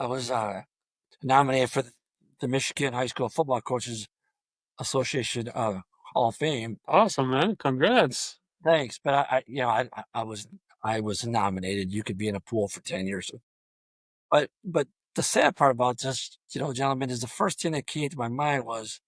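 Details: Adult male high school football coach with long-standing stuttering throughout a coaching career of over 34 years; stuttering.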